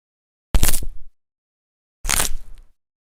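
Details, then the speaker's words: Two brief crackling pops of joint cracking (knee, neck, elbow or shoulder), described as harmless crepitus when painless and the joint moves normally within its range. "السؤال اللي بيطرح نفسه هون هل هذه الاصوات بتدل على مشكل موجود بالمفصل او لا جواب اكيد لا"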